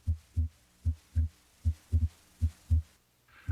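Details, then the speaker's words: Normal heart sounds at the tricuspid area, lower left sternal border, on stethoscope auscultation, with S1 becoming louder and S2 diminishing: a steady lub-dub at about 77 a minute, the first sound louder than the second. "let's listen again as to usually diminishes in intensity while s1 becomes louder as you proceed down through the third interspace and into the tricuspid area"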